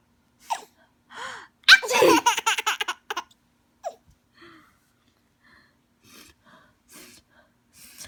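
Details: A mother's sharp sneeze followed by a baby's run of delighted laughter and softer giggles; the baby laughs non-stop at the sneezing. Ordinary sneezing.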